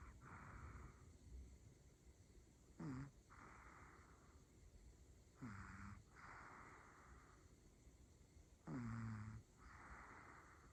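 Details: Snoring from Rumi, a Pomeranian puppy, while sleeping: three loud snorting snores about every three seconds, each followed by a softer breath out; snoring so loud it sounds like a person.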